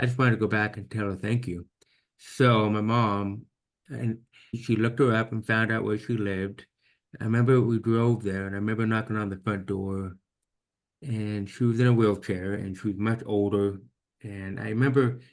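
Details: Deaf speech in a man with severe to profound hearing loss diagnosed at age 2 without newborn screening, after about 13 years of intense speech therapy; he still cannot hear T, CH or SH; finding: deaf speech.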